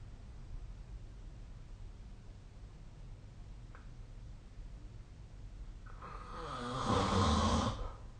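Quiet breathing, then a loud rough rattling snore on one breath in during sleep.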